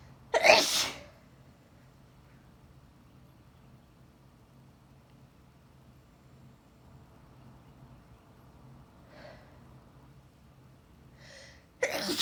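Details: Woman deliberately teasing out sneezes: a loud explosive sneeze, a quiet stretch with soft in-breaths, then the start of a second sneeze; sneezing.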